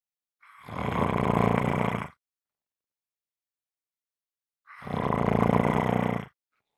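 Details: Loud snoring recording: two long, harsh, rattling noisy breaths about four seconds apart, with silence between them.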